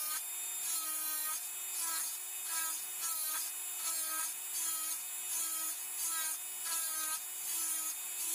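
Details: Dental high-speed handpiece on a typodont mandibular first molar (#36), full veneer crown preparation, planar reduction of the mesiobuccal cusp: high-pitched whine rising and dipping in short cutting passes.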